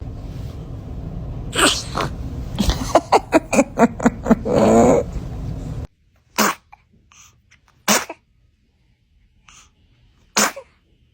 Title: Baby sneezing #cutebaby #cutetoddler #babytiktok #sneeze #entertainment #baby #toddler